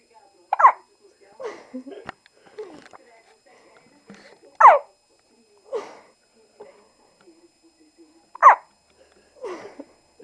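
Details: Baby boy who fell asleep during a long bout of hiccups and kept hiccupping: short, sharp vocal catches every few seconds in a quiet room; hiccups during sleep.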